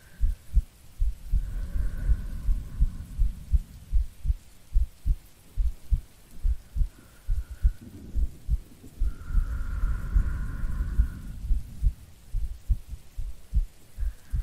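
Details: Steady low thumping heartbeat at about 70 beats a minute, regular rhythm, with rain and a soft hum behind, a woman's normal heartbeat in a no-talking ASMR sleep-aid recording.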